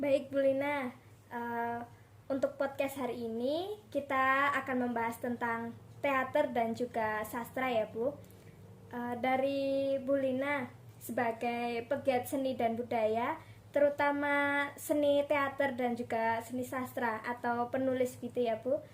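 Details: Young adult female speaker; Normal speech.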